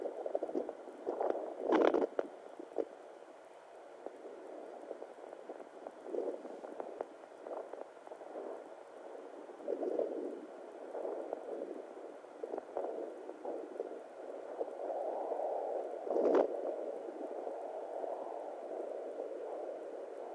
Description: This is what I hear on my fetal doppler